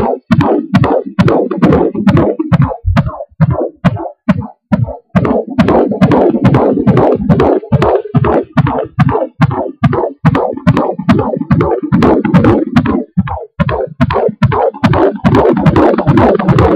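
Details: Angelsounds fetal Doppler recording at 17 weeks of pregnancy: rapid, regular whooshing pulses of the fetal heartbeat, about 143 beats a minute, with some distortion; fetal heartbeat on Doppler.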